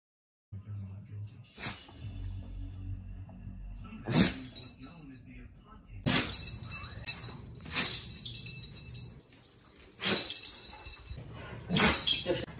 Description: Have you ever wanted to watch a dog sneeze a bunch of times in a row?